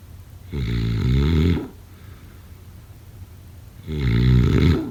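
Two loud, low, rattling snores on breathing in, separated by a quiet pause: ordinary snoring during sleep.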